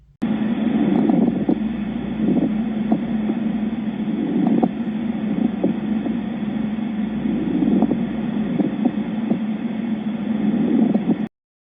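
Harsh, grating creaks over a steady low hum, repeating with each breath: a pleural friction rub.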